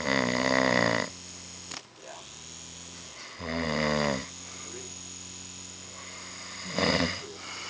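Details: Loud, rattling snores on each breath in, three heard with quieter breathing between them: ordinary snoring.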